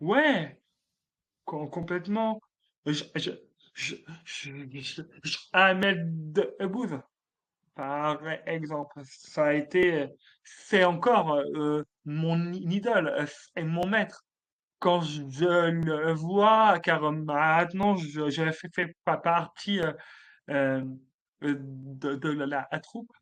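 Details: Adult man, a French-speaking comedian, who has stuttered since childhood, detected at age 4, and who calls it a speech disorder; stuttering.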